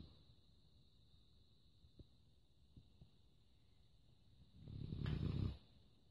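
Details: Labrador dog snoring in a quiet room with faint clicks: one low, rumbling, fluttering snore on a breath lasting about a second.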